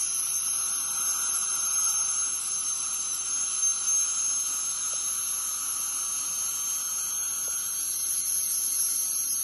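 Steady high-pitched whine and hiss with water spray throughout; an ultrasonic dental scaler running during deep cleaning.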